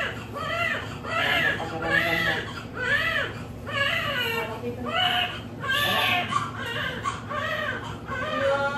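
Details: Newborn just after a normal vaginal birth following a normal pregnancy: strong, rhythmic crying, about one cry a second, loud and clear-voiced; vigorous normal newborn cry.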